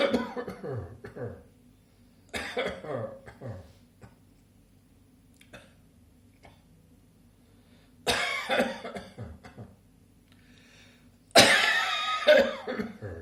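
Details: Cough: four separate bouts of loud, harsh coughing, each two or three coughs followed by a short pause, with quiet between bouts.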